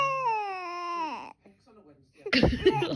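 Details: Newborn baby, who had hiccups just before: a high, falling cry that tails off after a second, then a pause and adult laughter; infant cry.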